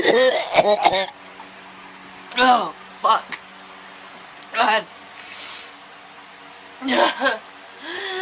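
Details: Horrible barking cough: repeated harsh, voiced seal-like cough bursts separated by quiet pauses.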